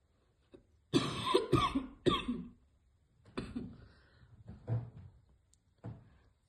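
About seven harsh, irregular cough bursts in quick clusters, then quieter hacks, a choking cough after inhaling vapor.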